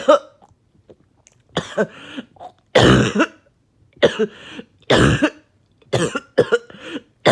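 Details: Productive coughing fit after taking medication: about six harsh, wet coughs with rattly throat clearing, breaking up and bringing up really thick mucus.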